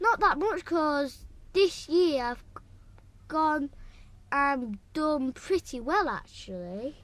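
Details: Male sibling (brother) who stammers; his stammering has been better this year; stammer (stuttering).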